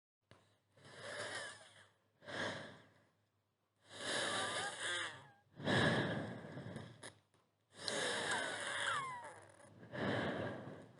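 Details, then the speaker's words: Noisy breaths with high, distinct whistling tones over several breath cycles, softer and less harsh than nasal snoring sounds: wheezing in a child from narrowed airways in the chest, as described by a paediatrician. "wheezing on the contrary is a whistling kind of a sound which is very distinct and it is not so loud not like a snow not very harsh and sounds something like"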